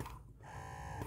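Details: A CLAIRE S BP-A25 wearable electric breast pump, newly unboxed and switched between its modes, runs with a steady mechanical whir and ratcheting motor hum.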